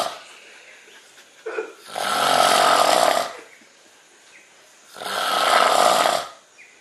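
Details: Snoring, recorded in 2012 during an outing to Corcovado: two long, loud, rattling breaths in a row with quiet pauses between them.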